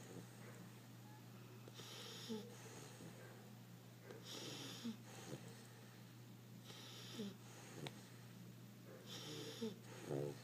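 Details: Sleeping puppy: soft rhythmic snoring, about four breaths in ten seconds, with a faint whistle on the breath. Snoring.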